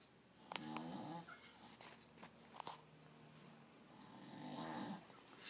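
Two soft, low, fluttering snores a few seconds apart, with small clicks and room noise between them: quiet snoring.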